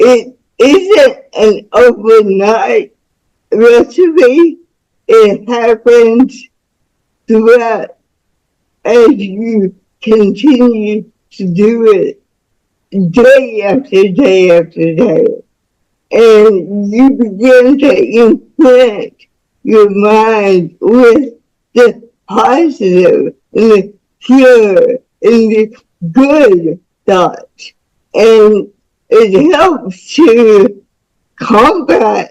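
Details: Woman about to turn 49 with cerebral palsy since birth (umbilical cord around her neck five times; doctor said she would never walk or talk); speech disorder not named; dysarthria in cerebral palsy.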